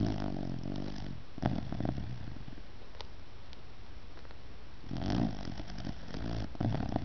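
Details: Sleeping 6-month-old puppy gives soft, rough, rattling snores, each lasting about a second, with quiet breathing between them; snoring.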